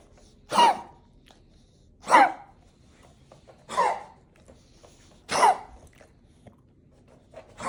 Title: I can’t stop coughing!